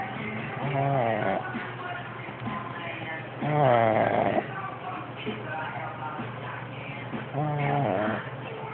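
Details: Sleeping dog with rattling, buzzing snores roughly every three to four seconds over a quiet hum; snoring.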